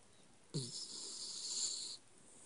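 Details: Snoring during sleep: one long snoring breath with a hissing, whistly edge and a low rattle at its start.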